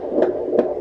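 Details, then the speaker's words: Fetal heart tones on Doppler, about 160 a minute, speeding up while the baby kicks and stretches: a reactive acceleration with movement, like the reactive periods seen on NST. "He's having one of those reactive periods right now that we were talking about with the NST, where his heart's beating really fast."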